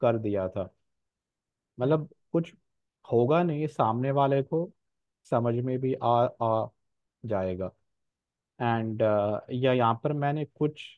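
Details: Real stammering in an adult man who says he stammers more in one-on-one situations; stuttering.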